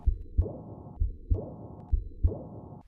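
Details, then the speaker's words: Simulated early diastolic murmur of aortic regurgitation, stethoscope diaphragm at the left second interspace and down the left sternal border to the apex: regular heartbeat near 65/min, soft high-pitched blowing decrescendo murmur after each second sound. "Using the diaphragm of the stethoscope, listen at the left second interspace and down the left sternal border to the apex for the high-pitched softb blowing decrescendo diastolic murmur of aortic regurgitation. If the patient had this murmur, it would sound like this."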